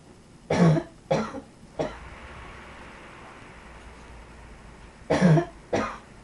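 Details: Two short clusters of coughs, about five in all, harsh and fairly dry, with a quiet pause between them.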